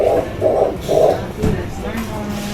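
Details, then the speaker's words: A few brief pulsing whooshes of the fetal heartbeat during a 4D ultrasound and congenital anomaly scan, which was reported as completely normal, with the torso and chest in view; a normal fetal heartbeat. "Ayan oh. Mm ganda nung ano niya torso niya ng chest niya heartbeat niya."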